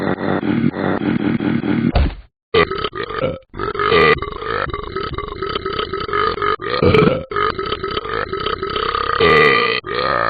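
Long, loud, rumbling belches running almost continuously with brief pauses: repeated burping.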